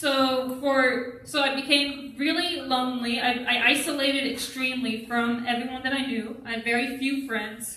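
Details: Adult who stutters, with onset in early childhood; stuttering.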